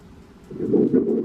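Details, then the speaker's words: First-trimester ultrasound (weeks 7–13 period, fetal measurement 1.6 cm): faint swishing pulses of an early fetal heartbeat rising out of quiet background hiss; fetal heartbeat. "But I was able to get a clip of ultrasound where you can also hear the heartbeat. So yes, I have an actual baby in my sack, which is good."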